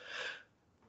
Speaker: Oh god, I gotta sneeze.